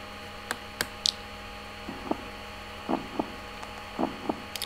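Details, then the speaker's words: Simulated virtual patient in a Second Life paramedic training game, checked at the scene: soft paired lub-dub heartbeat, about 60 a minute, over clicking noise. "and there we can hear the heartbeat"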